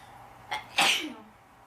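A quick sharp intake followed by one loud explosive sneeze.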